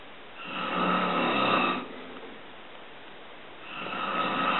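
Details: Adult man (a father), recorded December 2010: two loud, rasping, slightly whistling inhaled snores about three seconds apart with quiet exhalation between; much louder in person: snoring.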